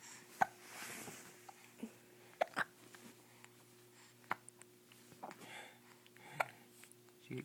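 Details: Young child with hiccups: several brief, abrupt high catches spaced a second or two apart in a quiet room, with soft background sounds.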